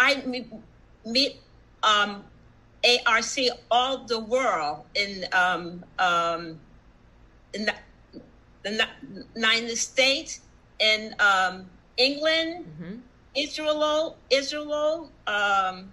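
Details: Aphasia with word-finding difficulty in an adult female stroke survivor, present for about one and a half years.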